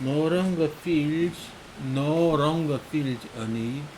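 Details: Speaker deliberately stuttering while reading a text, voluntary stuttering used to remove fear of stuttering; voluntary stuttering (imitated).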